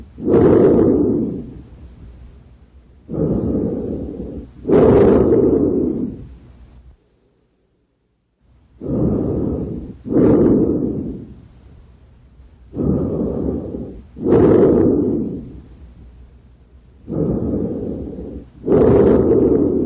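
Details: Normal breath sounds.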